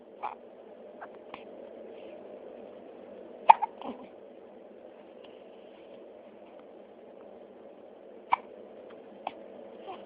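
Brief sharp gulping catches recur at irregular intervals over a steady background hum; hiccups, about five in ten seconds.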